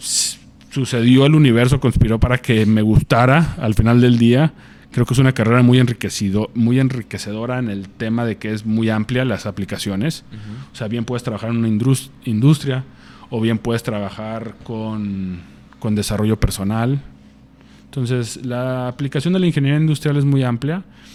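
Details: Adult man speaking Spanish, stuttering since age 6, managed through the McGuire programme since age 24, stuttering still present though managed; stuttering.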